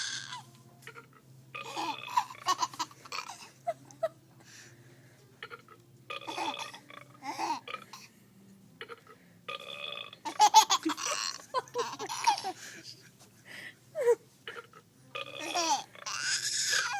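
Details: Burping sounds from a toy that makes burp noises, alternating with laughter and babbling of a 5-month-old baby boy; burping.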